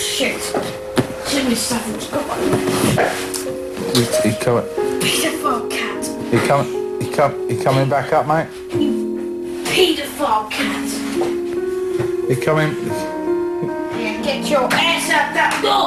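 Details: Boy with Tourette syndrome producing real, involuntary vocal tics with coprolalia (shouted phrases and swearing) in a public coffee shop.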